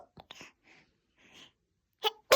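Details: Baby girl: soft breaths and small noises, then a short, sharp sneeze burst cut off at the end.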